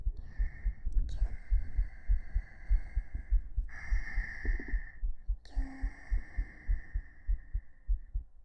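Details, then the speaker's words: Heartbeat picked up on a 3Dio binaural microphone in a hugging ASMR stream; the speaker notes the pulse seems slightly fast, and the sound briefly drops out. "心臓入りました。聞こえた。あったあった。ちょっとなくなっちゃった。ぎゅーぎゅー。ちょっと脈早いよね。ちょっと早いね。"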